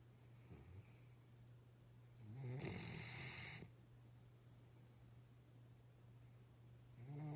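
One rough, rumbling snore-like breath over a steady low hum, with a second just starting at the end.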